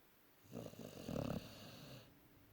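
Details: Dog snoring: one fluttering, rattling snore on a breath, then a soft trailing exhale.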